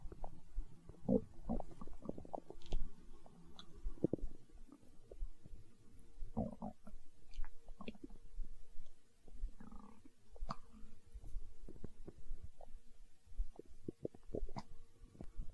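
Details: ASMR recording of a growling stomach tagged as hunger sounds: low gurgling rumbles and squelches coming and going over about fifteen seconds; stomach growling (borborygmi).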